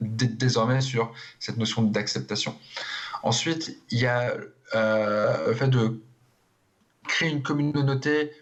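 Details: Adult man who stutters, speaking in a TV interview, with audible syllable and word repetitions; stuttering.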